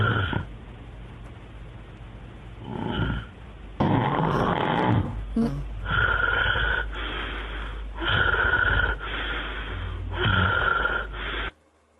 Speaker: 感觉一阵儿一阵儿的啊，这节奏就特别乱了。这个就是有呼吸暂停了。